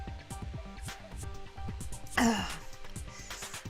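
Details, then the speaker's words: One short, harsh throat clear from an adult woman recovering from laryngitis, over steady background game music during a livestream. "excuse me again while I cough oh God that's very very nasty cough very nasty cough my apologies"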